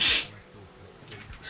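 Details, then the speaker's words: A short, sharp hissing burst through the nose, a sniff or stifled sneeze from an adult who is tired, stuffy and says he needs tablets. "I can hear it like listen to how stuffy I am."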